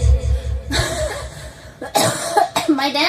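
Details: Woman coughing in a few short bursts while singing at karaoke in Vietnam, between sung or spoken sounds, with background music in a small room; plain cough.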